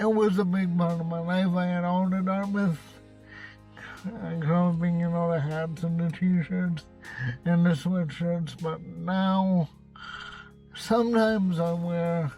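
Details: Male with cerebral palsy, who says he has a speech impediment; dysarthria (cerebral palsy).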